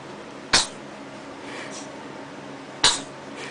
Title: sneezing again.mp4